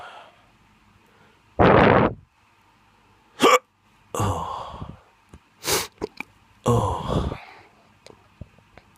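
Several short, abrupt voiced catches with quiet gaps between them, recurring a few seconds apart: hiccups.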